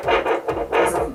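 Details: Fluctuating hissing static from a pocket fetal Doppler with volume raised, used at home by a pregnant woman with stage 4 Hodgkin's lymphoma undergoing chemotherapy; no fetal heartbeat picked up.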